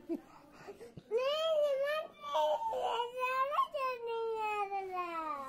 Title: my cute adament baby crying ❤️❤️❤️